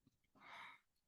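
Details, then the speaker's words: A single quiet, airy, half-second gasp on a CPR training dummy shown in a veterinary CPR RECOVER lecture, simulated agonal breathing, not effective breathing, then silence; it signals arrest or impending arrest. "it's sort of like a gasping type thing um just like Joe here is doing right now um it might look like they're breathing there is rise and fall of the chest but it's not um at all good Breathing by any means"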